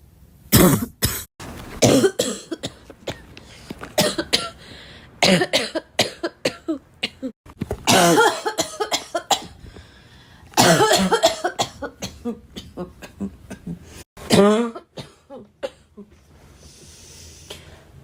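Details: Repeated bursts of coughing in clusters with short pauses, mixed with throat clearing, snorts and laughter; plain cough.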